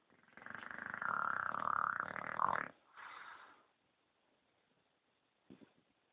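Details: An English bulldog snoring heavily while asleep: a loud, rough, fluttering snore on the in-breath, then a softer breathy out-breath and a brief faint snort.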